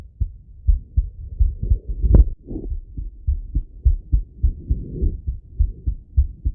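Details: Steady low heart thumps at about 100 a minute from an adult male on stethoscope auscultation, with soft rising and falling breath sounds: normal heart sounds.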